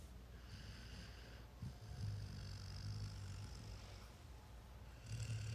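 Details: A sleeping Goldendoodle puppy snoring: soft, low, rumbling snores with snuffly breaths over quiet room noise.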